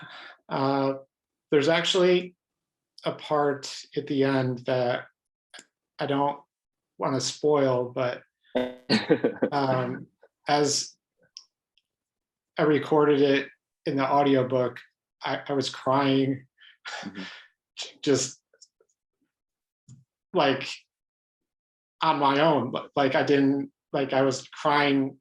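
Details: Adult man who has stuttered all his life, pattern mostly blocks, with highly variable stuttering; stuttering.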